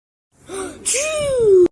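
Sharp indrawn breath followed by a drawn-out voiced 'ahh' that falls in pitch; a gasp, like the build-up before a sneeze.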